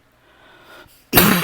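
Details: A persistent tickly dry cough that lasts all night: a single sudden, harsh cough burst after a quiet lead-in.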